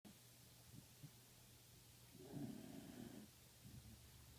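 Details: Sleeping Pembroke Welsh corgi, quiet low rumbling snore on one breath against steady room hum; snoring.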